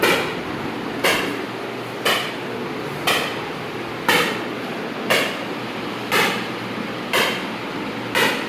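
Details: Loud, sharp, evenly spaced cracks about 60 a minute over machine hum: ESWL lithotripter shock waves focused on a 13 mm, about 700 HU left kidney stone, patient's second session; lithotripter shock waves.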